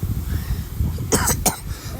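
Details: Two short, sharp coughs in quick succession from a child, over a steady low background rumble; cough.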